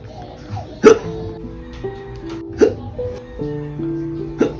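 Three sharp, abrupt hiccup sounds about two seconds apart over background music, in a staged comedy sketch; hiccups.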